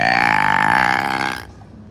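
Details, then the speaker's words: A little kid's single loud, sustained, rumbling burp lasting about a second and a half, then quiet; a forceful belch. "Look at this guy burping. Part two."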